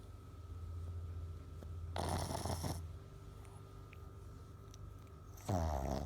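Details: A sleeping pug snoring, two loud rattling snorts rising above a steady low hum, the noisy snoring of a flat-faced dog; the owner says it snores like a pig.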